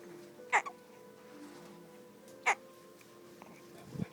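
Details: Hiccups: two short, abrupt hiccup sounds about two seconds apart over faint background music.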